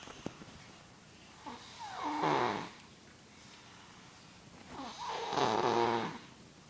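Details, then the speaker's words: Little brother snoring loudly while asleep: two loud rattling snores on breathing in, separated by quiet out-breaths; snoring. "brother's sleeping and I'm gonna record him snoring."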